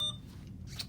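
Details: Short high electronic beep as a button is pressed, over quiet room hum: an IV infusion pump in a nursing school IV lab programming a secondary ceftriaxone 2 g/50 mL infusion over 30 minutes at 100 mL/h.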